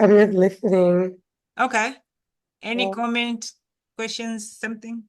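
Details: Adult speaker; no disorder.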